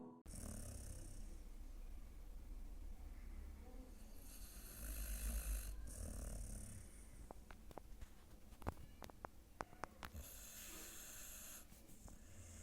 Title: See how my dog sleeps 😴 daily with snoring 🤣😂🤣......| Funnytalksshorts|Boj|